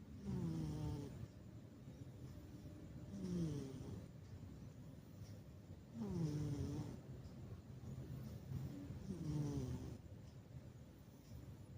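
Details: Soft, regular snoring from a sleeping cat, about four breaths in 12 seconds, each breath with a low rumbling tone: snoring.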